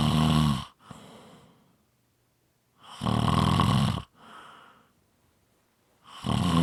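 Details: Loud rattling snores on each in-breath, about 20 breaths a minute, with quieter out-breaths between them; snoring.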